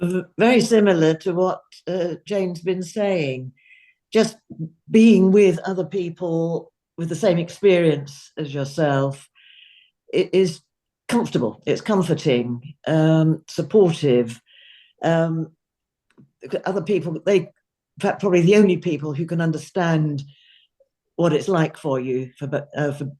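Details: Adult speaker; ordinary speech.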